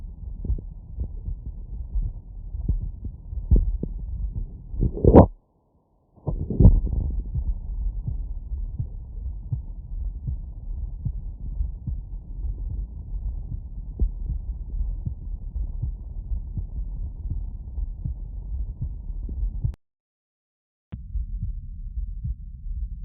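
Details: Soft, low heart thumps through a stethoscope with two brief handling bumps and dropouts; normal heart sounds.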